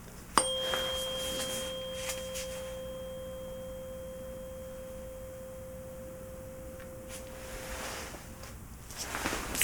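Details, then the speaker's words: In a roleplay hearing exam, a tuning fork is placed on the forehead: a light tap, then a clear steady tone rings for about eight seconds and fades over faint room noise; tuning fork tone for a Weber test. "So the idea is, I'm going to be placing this on the forehead. The idea is you should hear the sound evenly"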